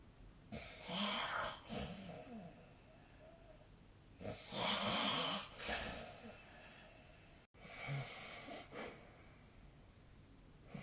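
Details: Sleep snoring: rough, rattling snores on the in-breath, about 16 breaths a minute, with quieter exhalations between.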